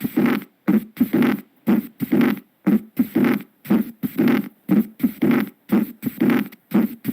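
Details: Graham Steell murmur.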